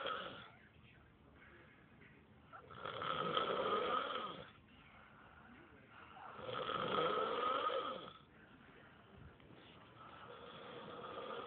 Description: Nano snoring away lol